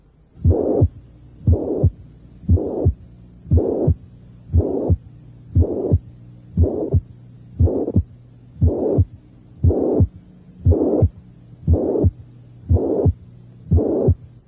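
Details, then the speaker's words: Apex auscultation, review example 9 of a cardiac auscultation teaching recording: regular heartbeat near 59/min, normal first and second sounds, and a faint high-pitched systolic murmur from mitral regurgitation. "ruidos cardíacos son normales y existe un débil soplo sistólico de tono alto por insuficiencia mitral"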